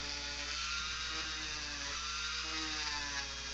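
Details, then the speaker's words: High-speed dental handpiece sectioning tooth #3 (first permanent molar) on a 3D-printed model in a practice extraction demo, speed increased: steady high-pitched whine with a fan humming nearby. "so I'm gonna first of all section the tooth and I'm gonna pause for a second"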